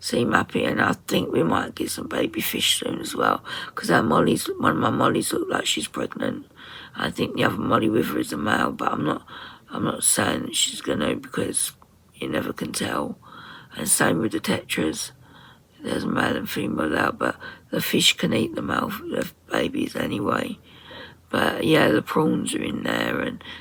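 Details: 57-year-old woman with voice dysphonia after COVID pneumonia, very tight, stressed muscles around the vocal cords, also affecting swallowing; ENT found mucus and laryngeal infection; in speech therapy; voice distorted, sometimes lost; muscle tension dysphonia.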